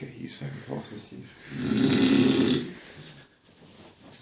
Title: Dude snores like a truck